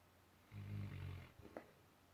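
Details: Sleeping dog snoring and bubbling: one low, soft rumbling snore over steady background hiss.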